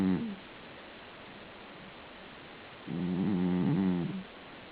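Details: A fluttering, buzzing snore lasting over a second, with the tail of another snore at the start, in a quiet room; snoring.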